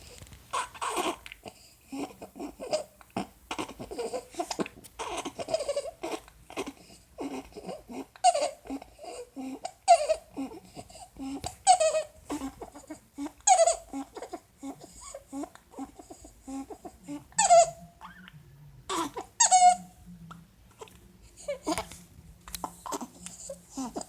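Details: Infant with laryngomalacia, fussy breathing and vocalizing, with repeated high, squeaky crowing sounds on the in-breaths: inspiratory stridor.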